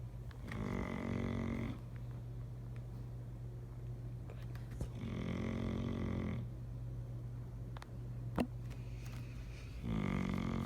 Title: Snoring doggo